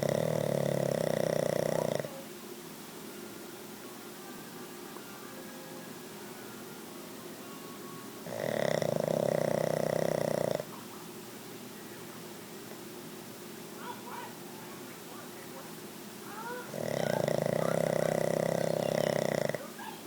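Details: A pug dog snoring at home gives loud, rough snores about two seconds long with quiet exhales between, roughly seven breaths a minute: snoring during sleep.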